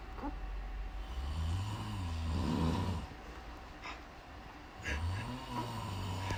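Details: snoring: Father's loud, low, rattling snores on breathing in, with quieter pauses between, startling his baby; habitual snoring.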